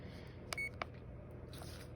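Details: CADD Solis ambulatory infusion pump in PCA mode (hydromorphone 1 mg/ml, infusion stopped) during settings check: two short electronic keypad beeps in a quiet room.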